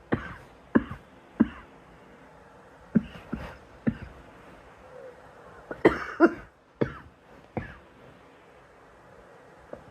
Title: Girl coughing 182